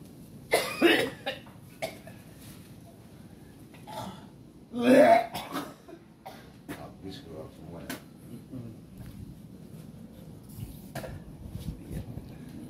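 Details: During nasal gurah therapy for sinusitis, chronic cough and asthma: repeated harsh coughs and throat clearing, one loud burst among them, about 15 a minute, over steady room noise.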